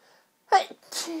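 A single sharp sneeze with a brief in-breath before it and a hissing release after, from hay fever.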